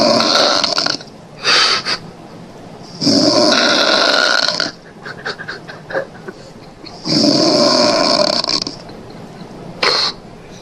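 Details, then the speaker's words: Very loud habitual snoring, an example of a snoring type, from upper airway obstruction: harsh snores about every four seconds with quieter breathing between, loud enough to keep others awake. "Dia tidak bisa tidur bayinya itu, anaknya tidak bisa tidur karena kerasnya suara dengkuran itu."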